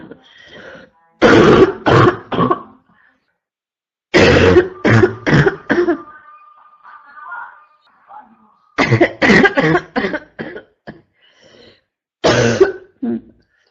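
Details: Constant barking cough, female: repeated bouts of harsh, forceful coughs in quick clusters.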